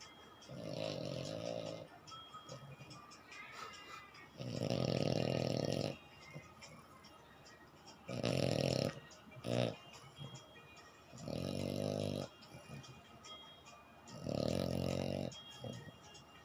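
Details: French Bulldog with loud, rattling, vibrating snores on each breath, about five in fifteen seconds, faint background noise; snoring.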